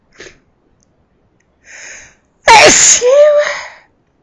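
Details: Loud sneezing: a soft intake of breath, then one loud explosive sneeze trailing into a voiced exclamation; an ordinary sneeze.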